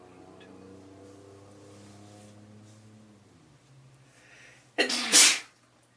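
A quiet build-up breath followed by one loud, explosive hissing burst; a single sneeze.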